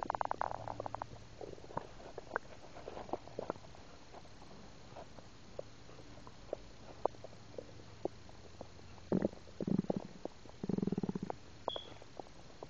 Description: I was eating some wendys burgur and I had some soda and I swallow some air this was record while I was eating. You can hear the soda going in down in me.